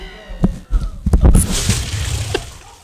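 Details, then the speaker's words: Man vomiting after eating many tacos in a radio show food challenge: loud, forceful retching with deep gurgling gushes and splashing; host swears the sound was not doctored. "that was an upchuck so tremendous so intense that I feel the need to put a disclaimer on it"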